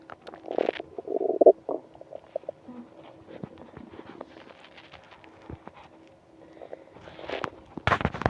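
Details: Stomach growling on a morning of hunger that turned into a stomach ache: gurgling, bubbling rumbles with short pops and squeaks from gas and fluid moving through the gut; bowel sounds (borborygmi).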